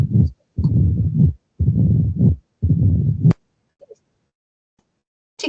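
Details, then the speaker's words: Slow heartbeat, about 58 a minute, with a low rumbling murmur filling much of each cycle as the atrium pushes harder to fill the ventricle; the murmur of mitral stenosis. "va la aurícula va a ejercer mayor fuerza, mayor presión para tratar de inyectarlo hacia el ventrículo y eso también va a generar el soplo."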